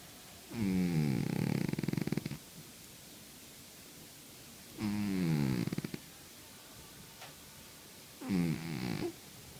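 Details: Cat in deep sleep snoring: three rough, rattling snores about 3–4 seconds apart with quiet pauses between.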